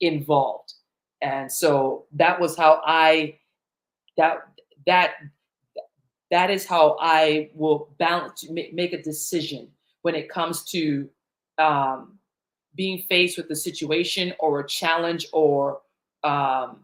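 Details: Adult woman who stutters, with repetitions in live talk; the stutter developed around age eight during a long period of fear and anxiety, after which she stopped speaking in public.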